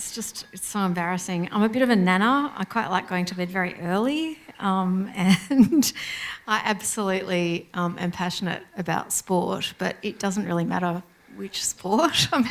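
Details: Adult woman speaking; Normal speech.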